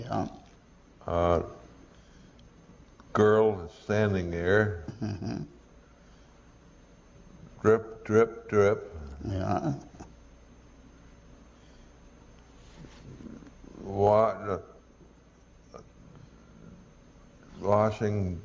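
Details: Broca's aphasia from a lesion in the posterior inferior frontal lobe; non-fluent with reduced speech rate, good comprehension, poor repetition and naming.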